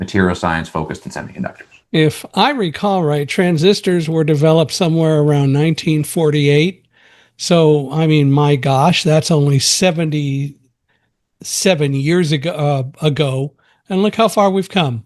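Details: Adult man speaking; typical speech.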